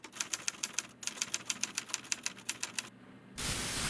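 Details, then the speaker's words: Simulated objective tinnitus, arising from causes other than hearing loss: rapid, regular sharp typewriter-like clicks followed by a burst of static, presented alongside heartbeat-like tinnitus sounds. "소리 이런 소리는 난청이 아는 여러가지 다른 원인으로 생기는데요 람 있 객관적 이명이라고 합니다"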